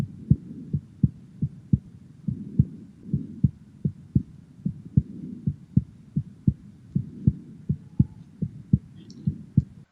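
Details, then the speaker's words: Regular heartbeat with a faint extra low thud about 0.1 seconds after the second sound: third heart sound (S3 gallop), described as normal in young patients but abnormal in older adults with heart failure. "is how s3 appears and this is caused due to the rapid flow of blood into the ventricles when they tend to fill the ventricles the cardiac ending the muscles starts to expand and this is normal in young patients"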